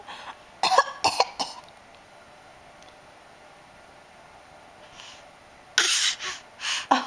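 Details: Cough.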